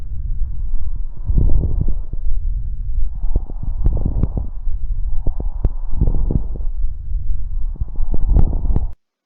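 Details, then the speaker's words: Coarse crackles, a discontinuous abnormal lung sound on auscultation: breath sounds with repeated low, bubbling pops during each breath. "Escuchamos a los estertores gruesos de los discontinuos."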